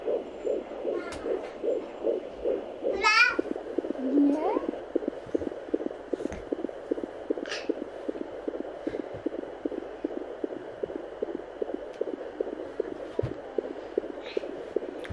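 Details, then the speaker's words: Fetal heartbeat and umbilical cord pulsation at 17 weeks of pregnancy, picked up by a handheld Doppler: first wave-like whooshing cord pulses, then a fast, galloping fetal heartbeat; a normal finding. "das erste was man hört dass du dieses pulsieren der nabelschnur das ja hört sich immer so wellenartig an finde ich und das zweite das ist wirklich das herz line also dieses was sich so anhört wie ein galoppieren"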